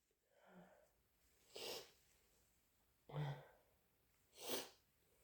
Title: Harsh, wet induced sneezes